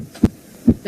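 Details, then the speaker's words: Normal heart sounds played in nursing physical-examination auscultation teaching: two crisp heart sounds with a quiet gap between them, no extra sounds or murmur. "di dengarkan baik-baik ya ini normal jantung kita akan nyata"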